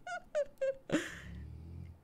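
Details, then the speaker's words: Dog snoring loudly: three short, high, squeaky sounds, then a noisy snort trailing into a low, fluttering rumble. "can hear the snore. Yeah, Thor is like extra loud when it comes to snoring."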